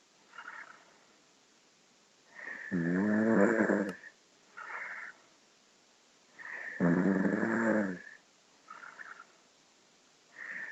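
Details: Loud snoring: loud, rattling snores on each in-breath with quieter out-breaths, about 15 breaths a minute; heavy snoring.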